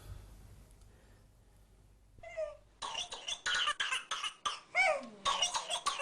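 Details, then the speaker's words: Child's rapid run of harsh coughs with a rising indrawn whoop between bursts, presented by a doctor as whooping cough; whooping cough (pertussis). "اذن دكتور هذا الصوت السعال الديكي"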